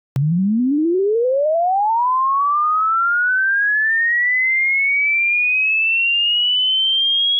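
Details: Simulated hearing-test sweep: a steady pure tone rising smoothly from low to high pitch, used to check high-pitch hearing loss and how old your ears are.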